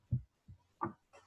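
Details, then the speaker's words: Cardiovascular semiology teaching recording: two low beats repeating, a softer first heart sound then a louder second, with systole as the interval between them; normal first and second heart sounds. "fíjense que hay un ruido que es de menor intensidad y otro de mayor intensidad y el espacio entre el primero y el segundo ruido que mencioné es la sístole"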